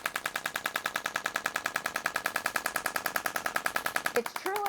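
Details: Radial shockwave therapy on a patient with Dupuytren's contracture of the hand; rapid, very regular sharp clicking pulses about 200 per minute, stopping near the end, from the radial shockwave device firing.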